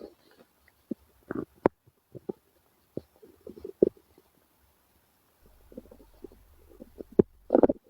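Irregular gurgles, pops and low rumbling bursts from the belly; ordinary stomach growling from gas and fluid moving through the gut.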